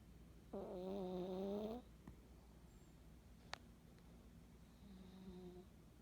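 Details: Lucky, a male, snoring during his afternoon nap: two soft, low, humming snores with a quiet gap between them and faint room noise.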